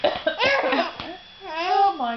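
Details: A young child playfully imitates her mother's cough with a few short, sharp cough-like bursts, then a drawn-out voiced sound.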